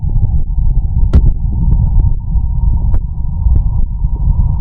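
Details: Heartbeat together with stomach growling (bowel sounds), recorded as ASMR.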